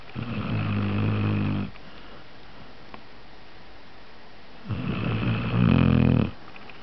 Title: snoring zzzz